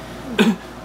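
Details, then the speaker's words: Simulated cough: a single short, forced, acted adult cough in a quiet room, performed as a joke about calling in sick to work. "Oh, sir, I'm sorry. I cannot come in today because I'm coughing."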